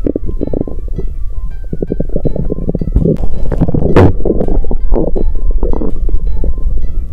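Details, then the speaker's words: Stomach rumbling recorded on 2 January, with the person saying they are not hungry today; irregular low gurgles and rumbles from the belly under background music: ordinary bowel sounds (borborygmi). "อีกอย่างวันนี้ฉันไม่หิว😣เสียงกระหึ่มยังดังอยู่ครู่หนึ่งโปรดฟังถ้าคุณชอบ🤗"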